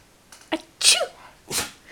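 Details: Cockapoo dog sneezing on command: a few quick, sharp, hissy sneezes in a row.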